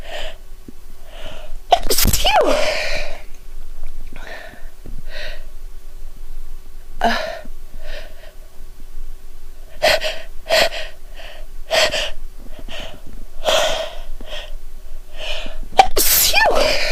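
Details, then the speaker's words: Repeated sharp sneezes from a female, with gasping in-breaths between them and a faint room hum, triggered by sniffing a soap bought in France; she has watery eyes and nose-blowing between rounds. "oh God oh my God I tickles so badly kind of went away I feel like I'm going to sneeze again it's like torturing there it is"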